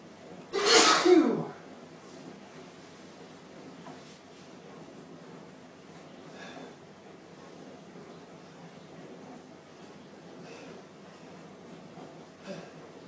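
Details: Adult male sneezing deliberately on camera: a single loud, forceful sneeze near the start, followed by quiet room noise and faint breathing.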